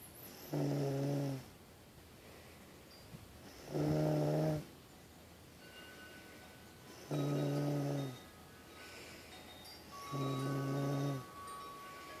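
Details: Sleeper snoring: four regular, low, buzzing snores with quiet gaps between, about 18 a minute; steady snoring during sleep.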